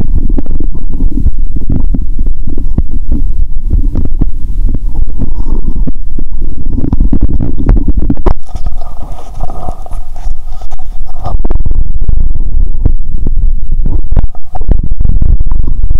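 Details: Loud, continuous low gurgling and rumbling from the abdomen, with a brief quieter, hollow-sounding stretch midway, recorded by stethoscope late morning after waking at 7 a.m., woman hungry; active bowel sounds.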